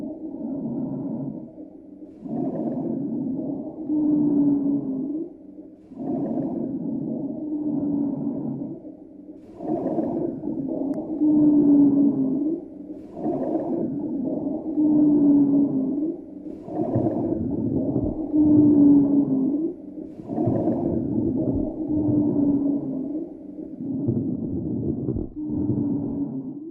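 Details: Lung sounds from a long-term smoker: noisy breaths, about 17 a minute, with low, moaning musical tones during each breath; abnormal lung sounds in a smoker.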